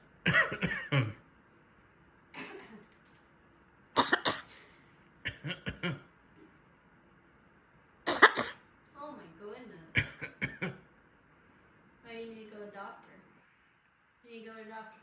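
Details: Macaw mimicking people coughing, not illness: several sharp, human-like cough bursts.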